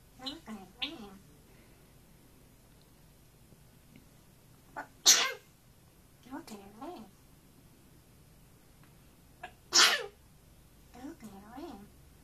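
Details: African grey parrot sneezing, two sharp explosive sneezes separated by soft chirps and whistled vocal sounds in a quiet room, after trying to sing.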